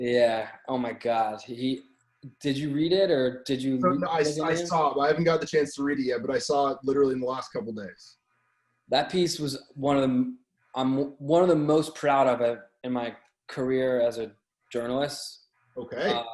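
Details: Stuttering in an adult man who says he has had a stutter his whole life, since childhood.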